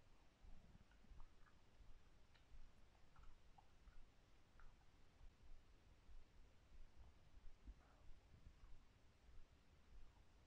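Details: Quiet low rumbling with scattered faint gurgles and bubbly squeaks, no talking: ordinary stomach growling (borborygmi) from moving gas and fluid.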